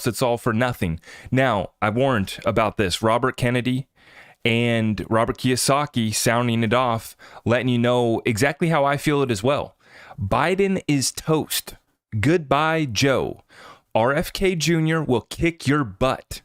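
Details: Adult male speaker; typical speech.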